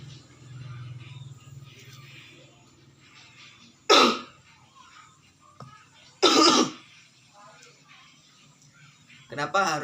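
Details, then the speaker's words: Effective cough technique demonstration: a maximal breath in through the nose and out through the mouth, then two deliberate, forceful coughs a couple of seconds apart. The first moves sputum from the larger airways and the second expels it through the mouth. "melakukan batuk sebanyak dua kali karena batuk yang pertama bertujuan untuk mendorong dahak dari saluran napas yang lebih besar kemudian yang kedua yang bertujuan untuk mendorong dahak keluar melalui mulut"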